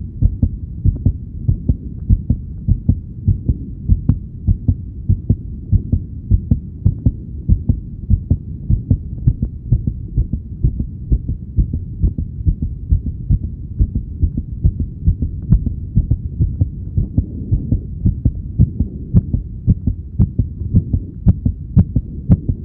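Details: Heartbeat heard with a stethoscope: steady, regular deep low thumps at an even moderate pace over a soft background hum.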